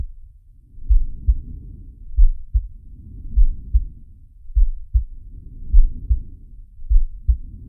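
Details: Heartbeat with breathing from the Zig & Sharko animated cartoon (Sharky): paired low thumps recurring regularly, overlaid by slow soft breath swells.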